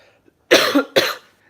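A loud double cough, two harsh bursts in quick succession.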